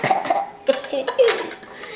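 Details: Three short, abrupt vocal bursts from an infant, hiccups mixed with big laughter during play.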